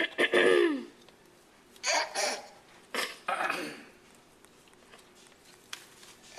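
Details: A dog clearing its throat: several short, rough throaty bursts with pauses between, in a quiet room.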